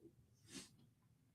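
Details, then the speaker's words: Single short sharp nasal snort or sneeze from an old dog in a quiet room; the dog had been sneezing and snorting. "Can you hear Can you hear Tanner over here sneezing and snorting? And at least he's not hacking up a lung right now."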